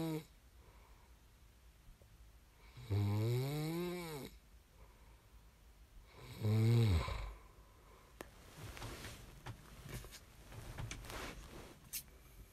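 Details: Sleeping person: two loud, rumbling snores on the in-breaths with quiet pauses between, then faint rustling; snoring during sleep.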